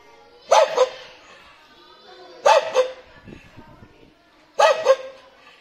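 A dog gives three rough, raspy barks, each a quick double bark, with a hoarse edge to the voice.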